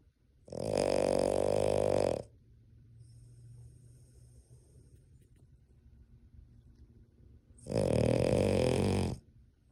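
Two loud, long, rattling snores about six seconds apart, with quiet breathing between: snoring.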